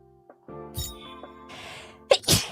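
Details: A female streamer gives two quick, sharp sneeze bursts near the end over steady background music; sneezing.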